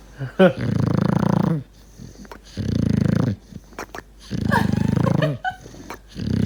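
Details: Deaf English bulldog puppy napping after playing in a cow field all day: loud, vibrating, grunting snores with odd trilling, squeaky "prrrp" sounds between breaths.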